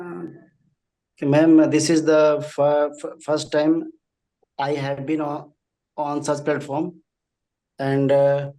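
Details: Male audience member who stammers, managing it one-on-one but not in front of groups at work; stuttering.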